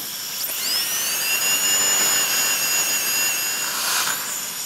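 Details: High-pitched dental high-speed handpiece spinning up and running steadily while adjusting the occlusal surface of restorations before final polishing, in restorative treatment of malpositioned dentition; occlusion then checked with articulating paper.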